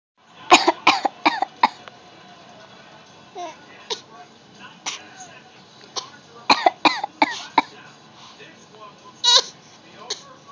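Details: A child gives a series of short, deliberate coughs in quick runs, a faked cough rather than illness; voluntary (fake) cough.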